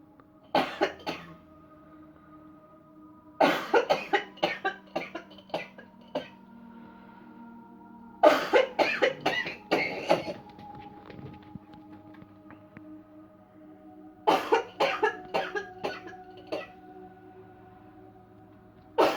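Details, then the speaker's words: Four bouts of rapid, forceful coughs with quiet room noise and faint tones between, during a Cleansing-Healing Coughing Technique demo with no touch or pressure points. "I feel another cough coming. I can feel it."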